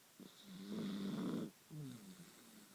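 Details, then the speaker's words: Dachshund sleeping soundly after eating two cupcakes the day before: a low, rattling snore on a long breath, then a shorter second one; ordinary dog snoring in a quiet room. "nora's very sleepy she's a very snorri dog she's digesting all those cupcakes she ate yesterday two boston cream pie cupcakes from the cupcake store"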